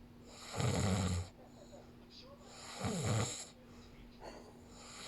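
Two loud, low, rattling snores on breathing in, a few seconds apart, with quiet breathing between. Ordinary snoring.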